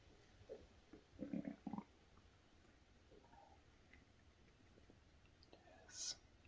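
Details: Adult male's stomach growling (borborygmi): a few soft gurgling rumbles from the belly in a quiet room, with a faint later squeak.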